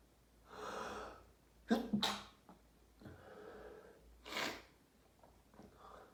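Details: Sneezing fit after showering, a daily occurrence: several forceful sneezes in quick succession, each preceded by a sharp in-breath; second half of the fit.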